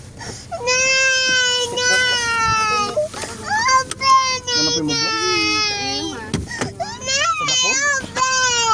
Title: Crying baby